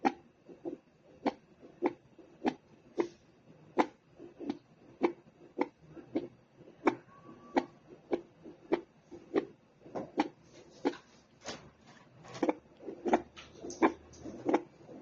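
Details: Fetal heart sounds heard with a fetal Doppler monitor during pregnancy: rapid, rhythmic whooshing thumps of the baby's heartbeat in the womb.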